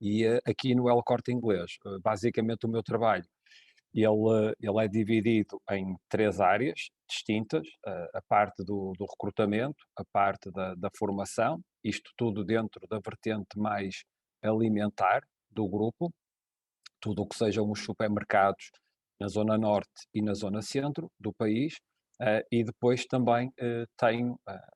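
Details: Adult man speaking European Portuguese; Ordinary connected speech.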